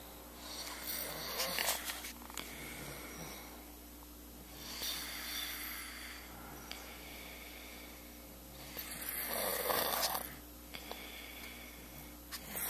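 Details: Recorded on a Flip Video camera: slow, regular rasping snores on each in-breath, about 15 a minute, with steady room hum; ordinary snoring while one of two people sleeps.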